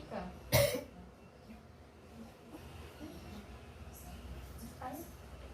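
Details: Nursing OSCA exam demonstration of effective cough to expel a man's sputum: seated, after warm water, hands on abdomen and chest, deep breath, then one strong deliberate cough in a quiet room; voluntary effective cough.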